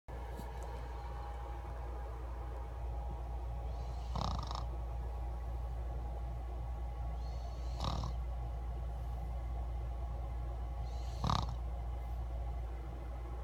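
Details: Six-year-old child snoring: three snorting snore bursts about 3.5 seconds apart over a steady low hum; ordinary snoring.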